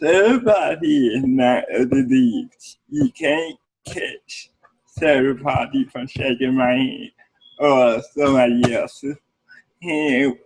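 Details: Adult man with cerebral palsy speaking in an interview; cerebral palsy is noted as able to affect speech. Dysarthria (cerebral palsy).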